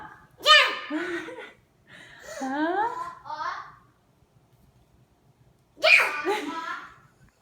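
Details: Child making sneeze-like bursts with short vocal sounds between them after a counted "ready, set, go" cue, possibly playful or imitated sneezing.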